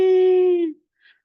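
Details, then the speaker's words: A single steady, high musical whistle under a second, a vocal imitation of an expiratory wheeze from airway obstruction below the carina. "En cambio cuando la obstrucción es debajo de la carina El problema va a ser expiratorio y entonces voy a escuchar sibilancias"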